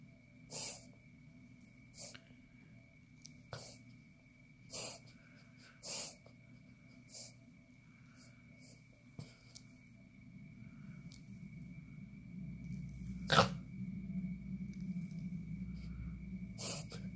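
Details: Dog named Poppy, filmed for the vet, gives a run of short, harsh snorting breaths; the vet identified the episode as a reverse sneeze.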